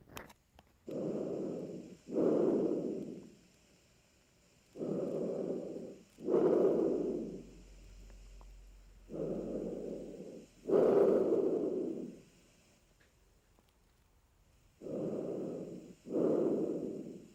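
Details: Teaching demo for dysphagia breath-sound assessment: normal tracheal breath sounds heard over the trachea during deep open-mouth breathing. Four loud, hollow, blowing breath cycles at about 14 a minute, each inhale slightly shorter than the louder exhale.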